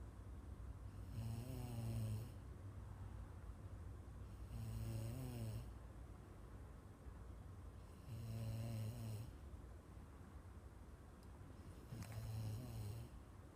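Regular loud, rattling snores, about four in 13 seconds, roughly 17 breaths a minute, with quiet pauses between them: typical snoring.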